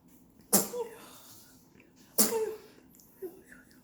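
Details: Newborn on day 7 sneezing twice, two sharp bursts about a second and a half apart in a quiet room; ordinary newborn sneezing.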